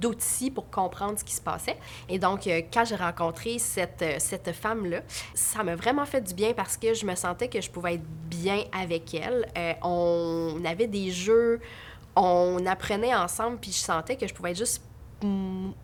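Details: Adult woman who stutters, with past speech therapy in early primary school; stuttering.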